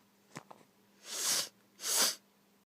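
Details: Person sneezing during nose-blowing, nose tickling: a few quick sniffs, then two forceful, hissing sneezes about a second apart.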